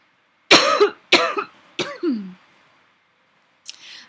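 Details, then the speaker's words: Adult speaker pauses mid-speech to cough: three forceful coughs in quick succession, the last trailing into a voiced throat-clearing, then a faint breath. "For outlining your paper, outlining the body paragraphs of your paper, I like, and this should also really help you, excuse me 1 second, I have to cough."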